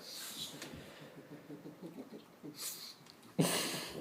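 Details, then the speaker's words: Several harsh, noisy snorting bursts from a boxer dog, which always snorts like that, with faint low talk between them. "always snorting like that though that's what he does"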